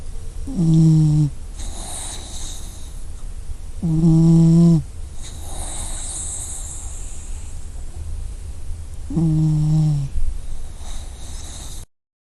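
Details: A sleeping puppy snoring in three tonal, buzzing inbreaths, each followed by a soft airy breath out.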